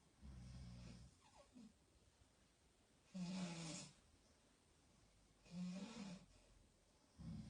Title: My parents snoring